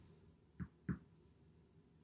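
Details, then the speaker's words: Respiratory exam demonstration: percussion by finger tapping (a reflex hammer is also an option) over seven posterior chest areas, sounding similar on both sides. Normal resonant percussion note. "I'm going to tap. Should sound similar on both sides."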